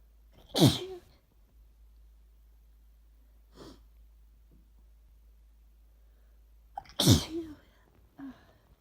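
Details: Sick person with a cold, who has been inducing sneezes this week, giving two forceful sneezes, each a sharp explosive burst, then quiet breaths; a throat that hurts and feeling worse at night; sneezing.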